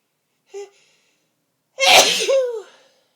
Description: Forceful sneezes with buildups